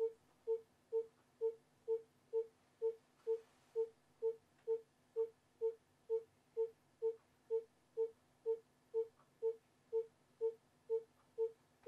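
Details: Educational fetal monitoring recording (rhythm 3): steady, evenly spaced monitor pulses at about 125 per minute, a fetal heart rate within the usual range.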